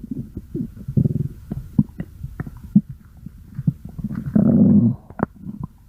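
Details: Stomach growling (borborygmi): bursts of low gurgles and bubbling pops with a longer rumble near the end, from ordinary gut activity.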